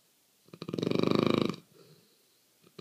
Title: Daisy snoring 03-12-14